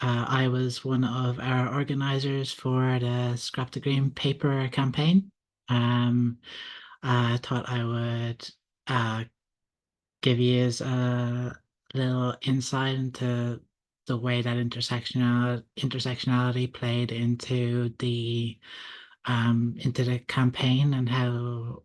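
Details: Adult man who stutters and is a stuttering advocate, speaking at a public event; stuttering.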